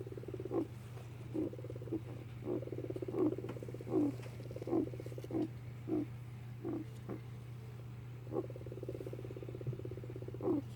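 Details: A 4-year-old male guinea pig gives a run of short, sharp, croaky bursts, about a dozen in ten seconds; the noises persisted after a vet visit, and it is unclear whether he is coughing or sneezing.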